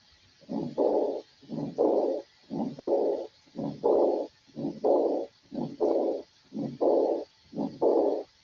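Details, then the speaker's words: Severe aortic regurgitation: regular heart cycles about 60 a minute, each with a prolonged blowing diastolic murmur after the beat. "Vamos a verlo. En una insuficiencia severa."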